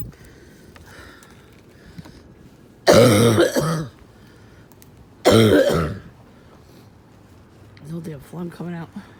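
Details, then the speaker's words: Adult who couldn't stop coughing: two loud, harsh dry coughing bursts with throat clearing, then a few softer voiced grunts, bringing nothing up. "See, I didn't start coughing again until I left. It was just slow. I couldn't stop coughing."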